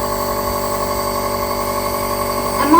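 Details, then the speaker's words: Steady loud mechanical hum of a Dr. Trust compressor nebulizer running and producing mist, with a slight pitch change near the end as the flow knob is turned to increase the mist. "let me just show you how the Mist comes out of this device when we turn on and also we can see techniques a bit of sound how it will be"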